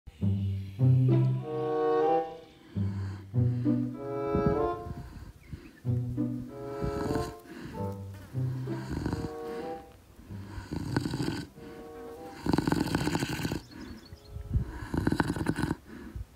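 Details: A lion napping in the afternoon, with deep, rumbling, rhythmic snores repeating throughout, some vibrating and growl-like; snoring.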